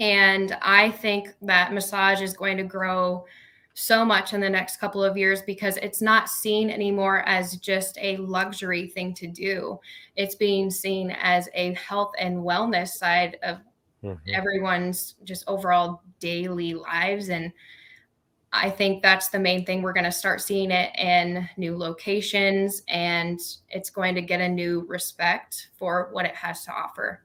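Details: Adult woman speaking; normal speech.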